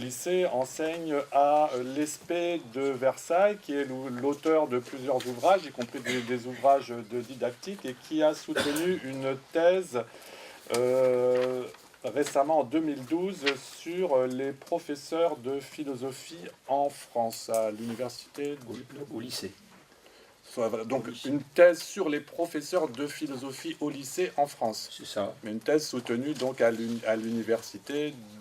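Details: Adult male speaker; Normal voice.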